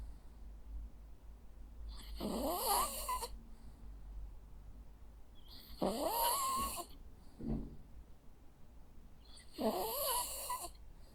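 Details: Three rattling, whistling snores, about every four seconds (roughly 16 a minute), from a sleeping Jack Russell Terrier over quiet room noise; ordinary dog snoring.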